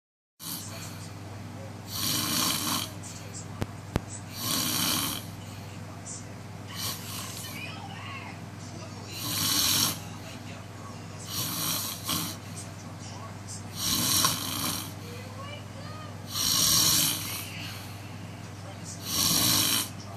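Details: Loud, harsh snoring bursts from a frog, recurring every few seconds at an uneven pace over a steady background hum; snoring.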